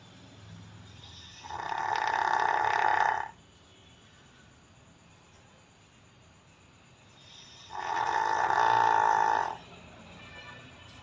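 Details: Dog (possibly a Jack Russell, "jacky") in deep sleep snoring: two long, rough, rattling snores a few seconds apart that sound much like human snoring.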